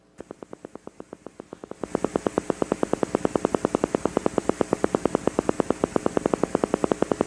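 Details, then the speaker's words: Needle EMG teaching example: regular crisp clicks from a single motor unit firing semi-rhythmically at about eight to nine hertz, then busier firing as a second unit joins: normal motor unit recruitment. "so it's gonna change a little bit as its firing but on average this is about nine Hertz okay still normal"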